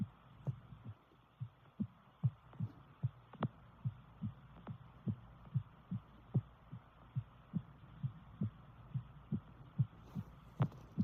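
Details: Female heartbeat recorded with a visible neck pulse: steady, regular low thumps at about 74 beats a minute over a faint background hum; normal heartbeat.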